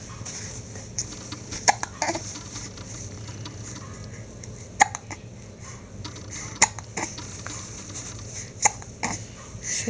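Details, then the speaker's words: Hiccups in a male infant nearly seven weeks old: quiet, sharp, regularly spaced hiccup sounds about every two seconds over low room noise. "so tell us about those hicups what do you think what do you think oh they're so loud yeah they're really loud aren they"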